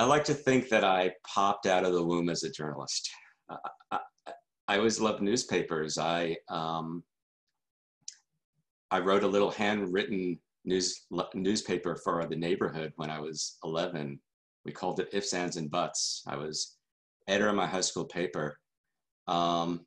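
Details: Adult man who stutters: stuttering.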